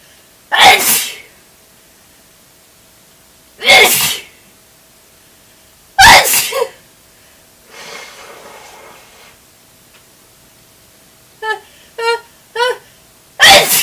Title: Awesome spray sneezes